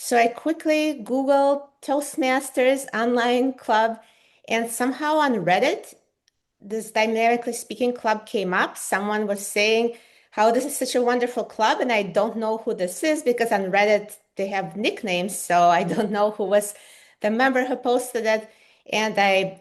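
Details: Adult woman speaking; normal speech.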